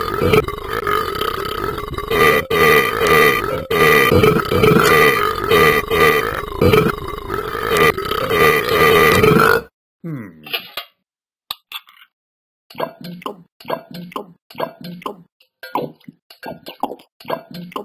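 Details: Loud background music, then a run of short, repeated burps in quick succession from a person; belching.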